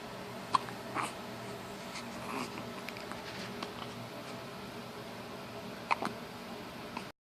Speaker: What are you doing, silly boy? Got the hiccups?